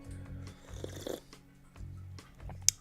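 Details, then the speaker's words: Adult with a cold, medicated, breathing into a microphone: rattly, congested breaths with a low buzzing, crackly quality; she suspects fluid in the lungs, and her sister thought it sounded like pneumonia. "That is fluid in your lungs. Great. Love that. We love having fluid in our lungs. That's what my sister said. She said, "That sounds like pneumonia.""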